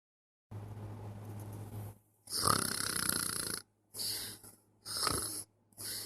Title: snoring newborn {11.16.16} (510)